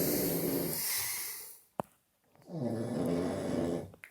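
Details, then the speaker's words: Friend's wild snoring at about 3 a.m. in an apartment: loud, rough snoring on two breaths, separated by a quiet pause with a brief click; indoor room sound. "блядь, не храпи, ти заїбав. Як ви бачите, йому похуй. Борюся вже з цим, блядь, 1,5 часа, нахуй."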